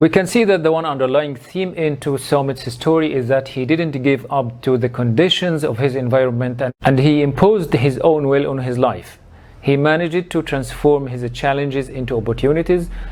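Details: Adult speaker, narration; normal fluent speech.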